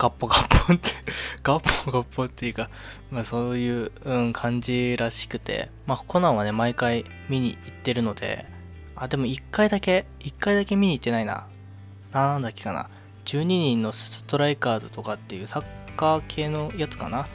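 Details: Male speaker with self-described stuttering, speaking Japanese, with audible phrase repetitions; stuttering.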